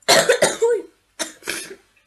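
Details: Girl ill with a cold and runny nose, in bed playing a game: two bursts of harsh coughing, four or five coughs in total.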